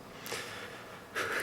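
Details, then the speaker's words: A dog loudly snoring, asleep after two hours of play: two short, hissy, snorting breath noises in a quiet room. "I appreciate your um enjoying the video even though you can hear Gus loudly snoring because he played for 2 hours and he's conked"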